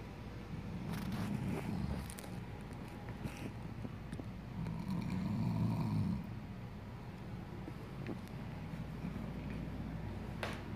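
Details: Two people snoring: low, rough rattling snores rising and falling over a steady low background hum, with scattered rustling noises.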